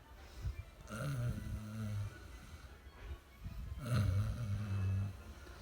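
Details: Son asleep in his room, who says he doesn't snore, snoring "like a tractor": two loud, deep, rattling snores about three seconds apart, slow sleep breathing of roughly 20 a minute; heavy snoring.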